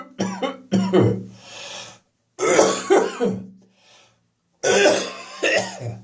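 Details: Winter morning catarrh on waking: harsh, wet coughs and throat clearing in three bouts, with rattly mucus noise between efforts: productive cough.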